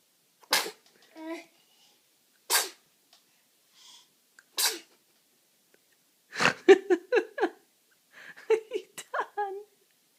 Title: Sneezing tiger hidden snot